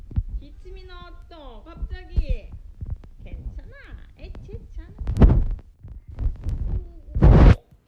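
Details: 11-month-old baby (355 days) playing alone, suddenly excited and laughing hard at mother, squeals and laughs then gives two sudden harsh coughs after choking mid-laugh.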